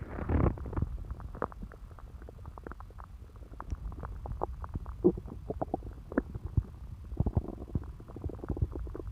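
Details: Stomach noises (borborygmi) from a woman's belly after eating pizza.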